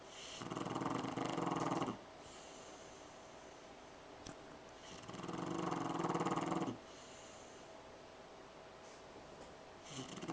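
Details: Snoring in a sleeping French Bulldog on a couch: rattling snores on each breath, two long ones about five seconds apart with quiet gaps between.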